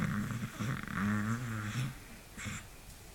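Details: Beagle dog snoring unusually loud and long while asleep.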